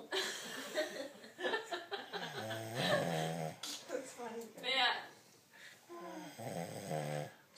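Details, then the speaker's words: Loud, rough, rattling snores with breathy gaps and some background laughter, from a sleeping man (summer 2012) whose family votes for septum surgery to fix his snoring; snoring. "this is your we've taken a vote and the decision is four to none that you're going in to have the septum fixed if you object stop snoring"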